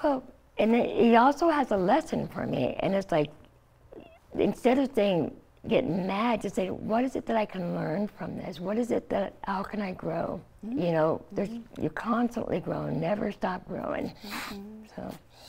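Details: Adult woman, stage 4 epiglottis cancer treated with surgery, chemotherapy and radiation; open tracheostoma covered by thumb to speak; partial glossectomy for tongue cancer; no teeth or saliva glands from radiation; tracheostoma speech with mild articulatory imprecision.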